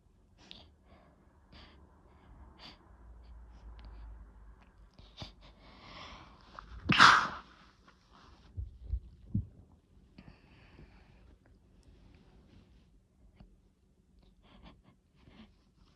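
Breathy inhalation building up, then one loud explosive sneeze followed by a few sniffs and soft breaths.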